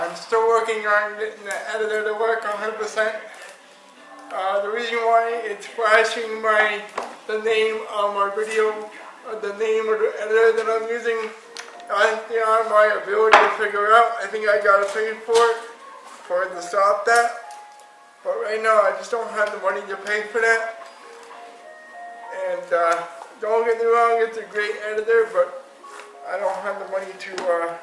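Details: Dysarthria in an adult man with cerebral palsy who uses a power chair.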